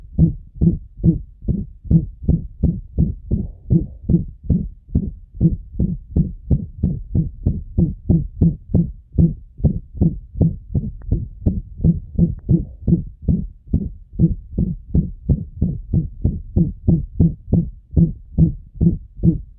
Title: Heart murmur (loud and blowing) of chordae tendineae rupture in a dog with mitral valve disease